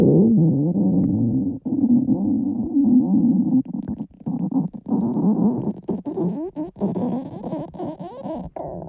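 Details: Girls' stomachs growling very loudly from hunger: borborygmi.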